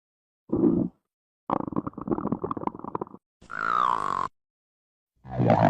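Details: Separate bursts of gurgling and rattling stomach rumbles, one with a rising, squeal-like tone; stomach growling.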